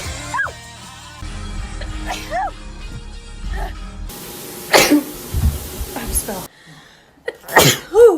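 Several abrupt, forceful sneezes, each with a sharp burst of air, over background music and brief talk.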